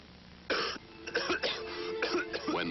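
An adult gives a run of about six harsh, throaty coughs in quick bursts over a faint musical hum, acted for a commercial.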